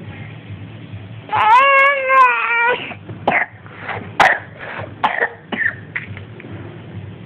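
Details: Cough attributed to a cold affecting the lungs: a long, high, strained voiced sound, then several short, harsh cough bursts at irregular intervals over faint room noise.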